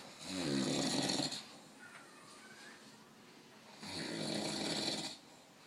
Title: Old man snoring